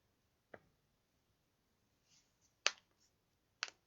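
Three sharp, dry pops in a quiet room with a few fainter clicks between; joint cracking from hypermobile joints in Ehlers-Danlos syndrome.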